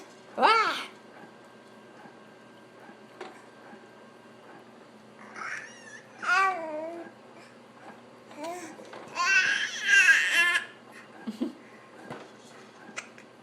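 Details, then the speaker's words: Infant boy with hiccups while squealing and babbling: short, sudden voiced catches at irregular intervals, not crying. "You got words? Or just hiccups? What does that mean?"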